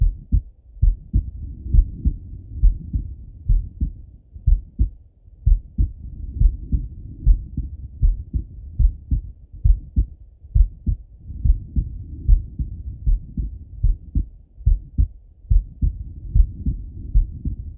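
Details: Male heartbeat by stethoscope while lying on his left side; steady low double thumps near 70 beats a minute with a soft whooshing rub between.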